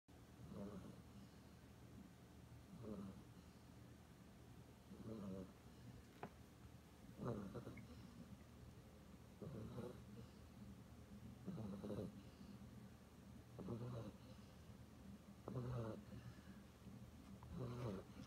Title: Sleeping, Dreaming, Snoring